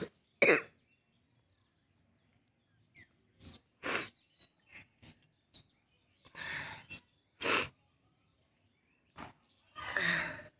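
Repeated short coughs and throat clearing in a fit, about nine bursts, with quiet gaps; coughing from a cold.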